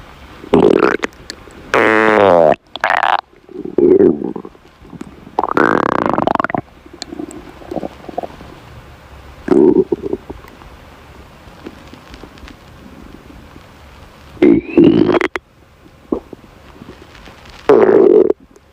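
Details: Compilation of a girl's hunger stomach growling: repeated loud gurgling, squeaking and rumbling bursts separated by quiet gaps; normal bowel sounds (borborygmi).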